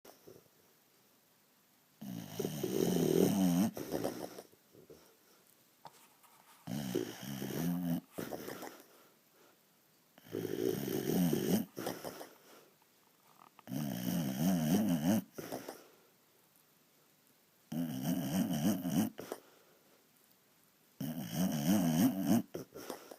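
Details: Loud, rattling snores from Baxter, a dog sleeping lying on his owner, about 16 a minute with quiet pauses between; snoring.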